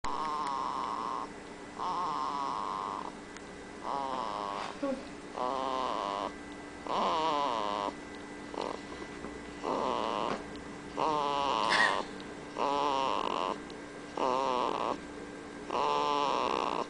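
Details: One-month-old baby (about 30 days) with a soft, rhythmic rattling noise on each breath, about 19 breaths a minute, over steady background hum; infant snoring.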